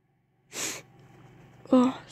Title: Apology sneezing.